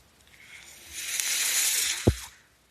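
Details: Ventilator audible behind the user's own speech while he records a Star Wars podcast, delivering breaths as he talks. Mechanical ventilator breathing cycle.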